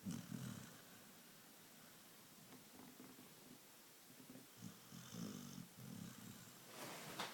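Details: Sleeping springer dog, relaxed: soft, low rattling snores in a quiet room, uneven and fluttering; snoring.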